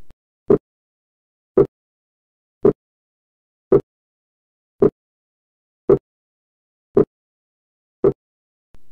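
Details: Two heart sound components only 20 milliseconds apart, too close to hear as two distinct sounds but still appreciable: a closely split sound.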